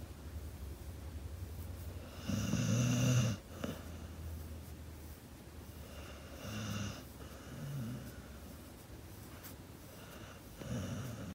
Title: Snoring pittie || got spoiled by mama